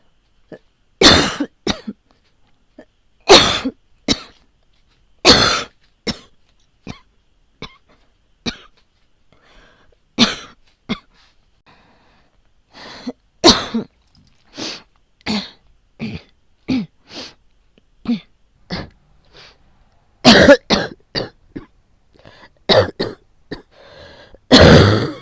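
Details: Compilation of coughs recorded during past asthma attacks and a COVID-19 infection: repeated harsh cough bursts, single and in short runs, with throat clearing.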